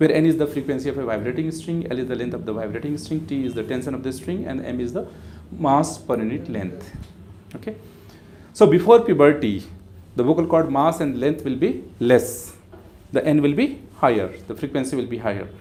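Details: Adult male speaker; typical adult male voice.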